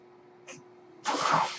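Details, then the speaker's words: Speaker's own home mechanical ventilator, audible while he talks: quiet room tone, a faint soft puff, then a sharp half-second rushing gust of air; one ventilator breath cycle. "my name is that noise you hear he's my ventilator and thank you for tuning into page-turners"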